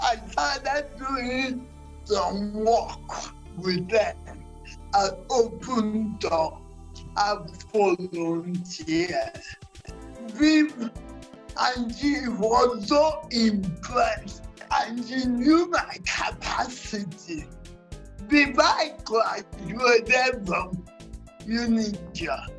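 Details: Dysarthria in a 47-year-old woman with cerebral palsy since birth, which presents through uncoordinated speech.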